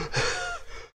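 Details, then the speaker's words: Adult sick about a month, with burning central chest pain near the sternum and reduced lung capacity, in a cold hospital: a single gasping, sighing breath with faint whistling tones; subtle wheeze, out of breath. "you can hear the subtle wheezing and stuff i am out of breath"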